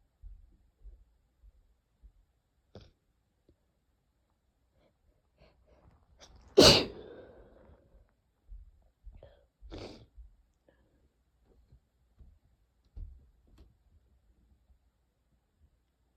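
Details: One loud sneeze and a second softer one amid quiet sniffles and nasal breathing in a quiet room, in a short sneezing fit from a cold caught from a sibling; sneezing.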